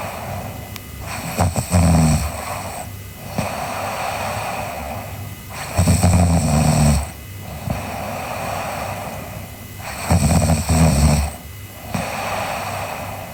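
Loud, low rattling snores on each in-breath, about 14 breaths a minute, with quieter exhalations between; ordinary snoring during sleep.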